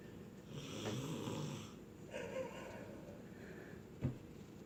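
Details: A young girl fakes snoring, apparently copying her dad: a couple of rough, rattling snore-like breaths and a short snort; deliberately imitated snoring, not true sleep snoring.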